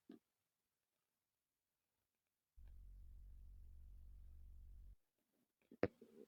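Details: Low rumbling stomach growl lasting about two seconds in a quiet room from a male; ordinary borborygmi.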